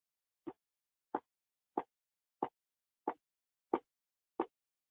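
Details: Faint, regular heartbeat at about 91 beats a minute with no extra sounds, auscultated on a virtual simulated patient in a nursing training session; normal heart sounds.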